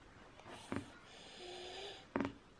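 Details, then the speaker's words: Young girl with sore throat and bad cough, possible croup (not confirmed), in smoky air: noisy wheezing breathing with a drawn-out whistling sound on inhalation and brief harsh snorting bursts. "she's wheezing really bad so we are getting ready in about an hour we're heading to the doctor"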